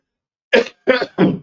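Three short, rough throat-clearing bursts from an adult man, clearing mucus or irritation from the throat.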